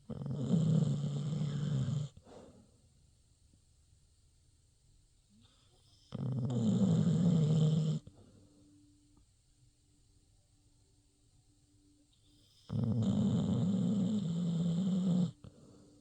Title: Pitty Snoring